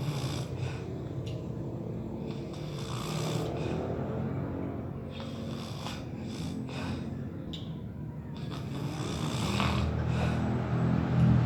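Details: Continuous low, rumbling breathing noise growing louder toward the end, with faint background sounds; loud snoring that keeps others awake.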